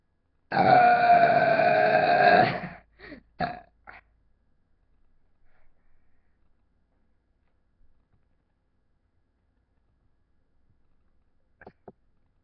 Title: the two loudest burps i can do